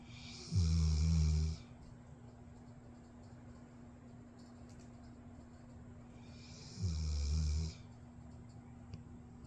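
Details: Dog snoring during sleep: two low, rumbling snores about six seconds apart against quiet room noise.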